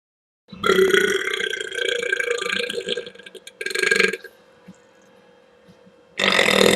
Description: BURP! Oh, my goodness! Excuse me!